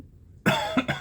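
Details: Adult with ongoing cough and wheezing, talking-triggered; nasal fiber-optic scope showed redness and irritation at the top of the esophagus, suspected acid reflux; short run of about three harsh coughs; cough.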